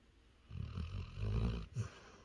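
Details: Sleeping Labrador dog snoring: one drawn-out low rumbling snore and a short snort at the end.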